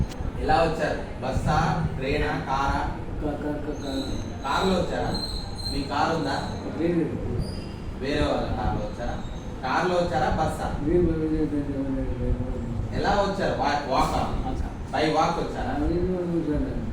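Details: Adult male clinician speaking Telugu; typical speech.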